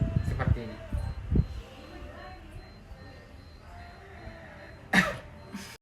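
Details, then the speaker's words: Nursing student demonstrating effective cough exercise: after 4–5 breaths in through the nose and out through the mouth, a final breath in then exhaled through the mouth with one strong voluntary cough. "Tarikan nafas terakhir, tarik nafas melalui hidung, lalu hembuskan melalui mulut, dan sertakan batuk."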